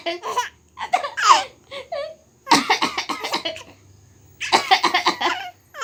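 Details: Bursts of infant laughter mixed with short coughs in a quiet room; laughing that sets off brief coughing.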